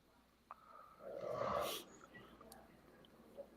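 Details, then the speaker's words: Person, possibly someone's brother, asleep nearby during a live recording: one long, rough, rumbling breath in a quiet room, likened to a big bear snoring; single deep snore. "Yeah, so that sounds like a big old bear over snoring. He knows there's a Trump victory."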